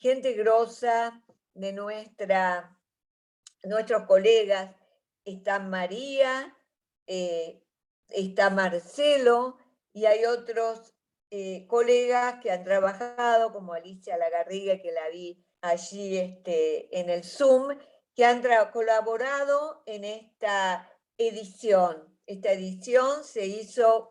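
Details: Adult woman speaking Spanish; normal voice.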